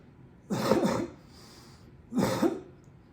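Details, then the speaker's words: Adult at home after hernia surgery clears his throat while pressing his hands on his abdomen and leaning in to brace it: two harsh, gravelly, productive throat-clearing bursts with a short breath between them, bringing up throat congestion. "okay catching my breath that one was actually productive I actually cleared off some congestion off my throat"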